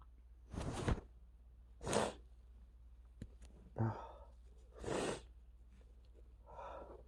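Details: Male with really bad allergies sneezing: a run of five to six forceful sneezes about a second apart in a quiet room; repeated allergic sneezing.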